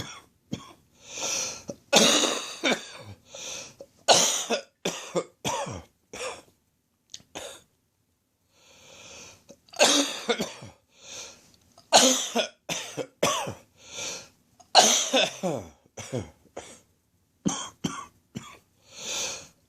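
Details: Adult, not a smoker, with a lingering chest infection he can't shake off: repeated bouts of harsh, rattly morning coughing, a chesty productive cough.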